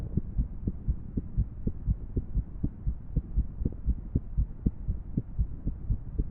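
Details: Irregular heartbeat, muffled, at roughly 120 beats per minute with uneven spacing between beats; female heart sounds paired with a 3D heart model animation.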